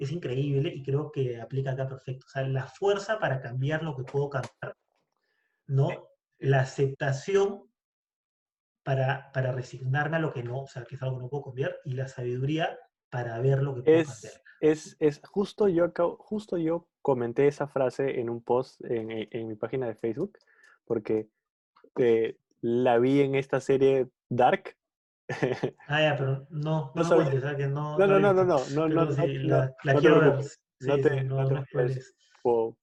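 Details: Male speaker who stutters, in a Spanish-language podcast conversation between two people who stutter about the variability of stuttering; stuttering.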